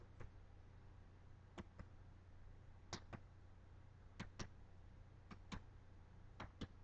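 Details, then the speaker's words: Adult chest percussion during a practice physical assessment by a nurse practitioner student: five pairs of sharp double taps over room hum, the note changing from resonant to dull at the diaphragm, a normal finding. "oh okay so right here the sound changed from resonance to dullness so that lets me know that I hit something solid and so in this case it's your diaphragm so it's totally fine that should be there"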